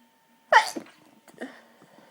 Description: violent stifled sneezes, they were so hard to hold back and stifle and some of these made me double over with how strong they were